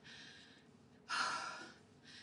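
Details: Person feeling nauseated, unable to vomit: soft breathing, then a sudden sharp noisy gasp, the inhalation leading into a sneeze.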